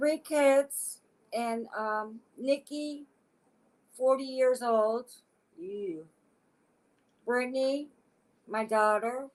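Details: Adult woman with aphasia acquired after a stroke; aphasia.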